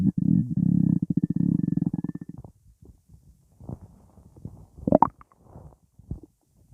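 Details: Stomach rumbling: a long buzzing, fluttering rumble that fades, then scattered gurgles and a squeak, described as just gas with nothing in the stomach; borborygmi.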